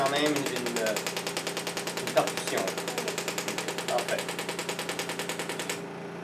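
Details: Rapid, steady rattling taps, about 200 a minute, from a shockwave therapy applicator demonstrated on the thigh, then stopping; treatment for chronic tendinitis and calcifications.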